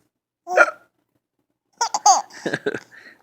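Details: Hiccups for fun: a sudden voiced hiccup, a brief abrupt catch of breath, followed by giggling laughter from a young child.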